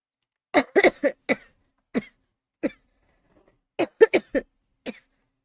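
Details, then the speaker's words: Streamer who has been ill for five days and not recovering has a coughing fit of about twelve short, dry coughs in two clusters with a brief pause, jokes about getting abs from coughing. "이 사람 오늘은 기찜이기 때문에 [웃음] 복근 생길지도 모르겠다. 기침마다 복근 생기면 어떡해?"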